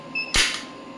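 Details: Biotronix Solution Forever shockwave therapy device, a non-invasive acoustic pressure wave unit for musculoskeletal pain: a single sharp snapping crack as the applicator fires one pulse.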